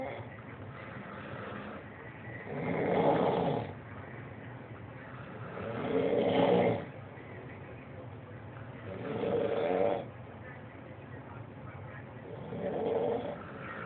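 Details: Two sleepers snoring: four slow, rough snores on the breath in, about 18 a minute, with quiet pauses between them; ordinary snoring.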